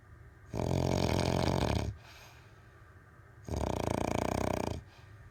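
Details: Snoring: two loud, rattling snores, each lasting over a second, with quieter breathing between them.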